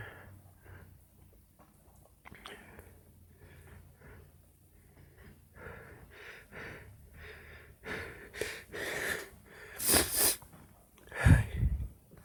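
Quiet breathy inhalations build up, then two sharp explosive bursts: sneezes.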